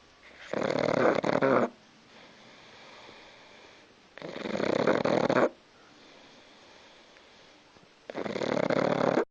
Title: my pug sid snoring